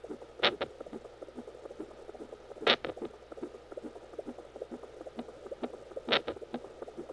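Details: Twin pregnancy recorded at home with a home fetal Doppler, during labor: three sharp thumps a few seconds apart over crackly Doppler static, which are fetal hiccups.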